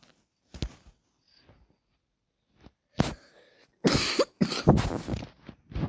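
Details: Several harsh cough bursts from an adult, some single and some in quick runs, in a quiet room; adult with a cough.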